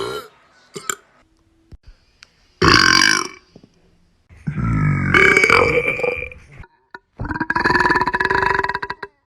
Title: Young lady burp compilation